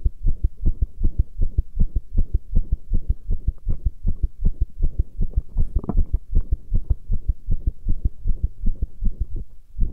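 Fast, regular, deep thudding heartbeats with a low hum underneath; a rapid heartbeat.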